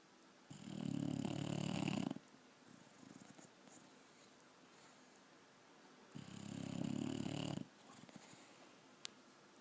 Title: Abby the Bulldog snores